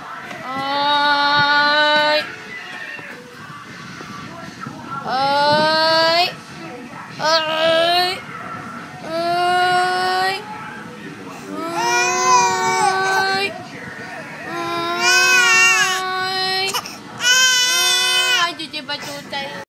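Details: Baby crying: repeated long, high-pitched wailing cries separated by short gasps for breath.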